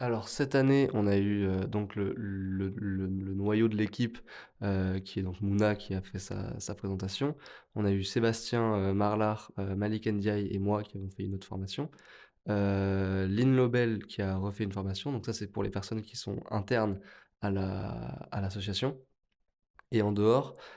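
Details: Adult woman who stutters, a doctoral candidate in speech-language sciences; stuttering.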